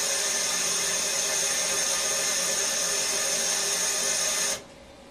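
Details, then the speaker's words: Pulmonary function testing: the machine calibrates for about a minute before a diffusion capacity test, a steady loud hiss of gas flow that stops abruptly. "okay the calibration the machine for this it will be about a minute okay"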